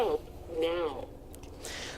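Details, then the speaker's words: Automated external defibrillator (AED) voice prompt on opening the device, telling the rescuer to call for help, during a health care students' AED training demonstration in a quiet room. "I would open it once again it tells me to call for help"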